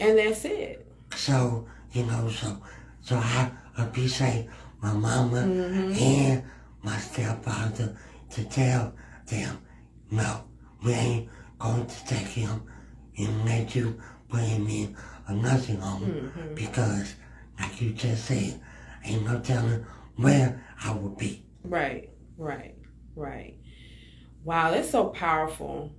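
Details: Dysarthria in a male adult with cerebral palsy; speech issues are described as an effect of his cerebral palsy.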